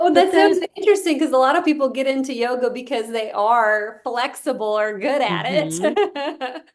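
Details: Adult woman speaking; ordinary speech.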